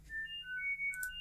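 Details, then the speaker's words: Acoustic coordinated reset neuromodulation tone samples sold as tinnitus treatment: short sequence of steady pure beeping tones shifting between pitches; the tinnitus expert commenting says such therapy does not work. "Tin treatment with acoustic coordinated reset neuromodulation tone samples"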